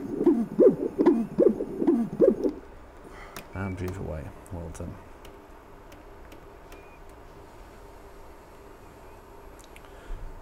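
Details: Tissue Doppler myocardial velocity sounds, normal, during echocardiogram of an adult male discus thrower, transducer moved to the left side.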